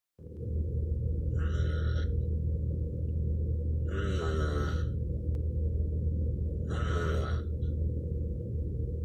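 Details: Stepfather snoring at 1am: three loud rasping snores, each a few seconds long, over a steady low hum of room noise.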